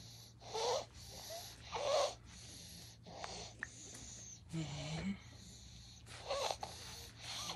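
A child's noisy breathing with harsh, high-pitched, whistling sounds on each breath: stridor from upper airway narrowing.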